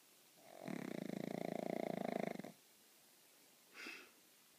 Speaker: Our new snoring pup.